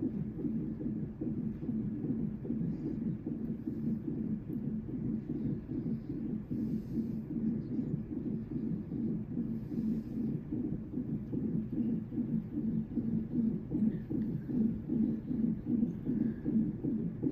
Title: Labor and Delivery Monitor 2 (like an NST) (38 weeks, 2 days)